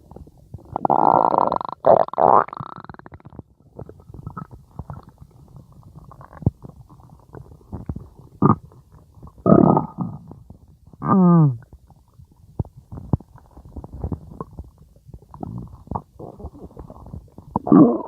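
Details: Loud gurgling and rumbling with a squeaky gurgle from a person's stomach: ordinary stomach growling (borborygmi).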